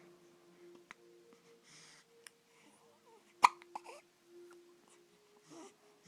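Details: A sudden, abrupt catch of breath amid quiet room hum, with soft voice sounds: a hiccup.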